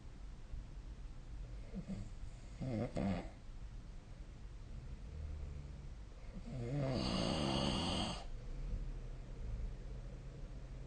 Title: 🐽 いびきの音 / Snoring Sleep Sound 2025/05/24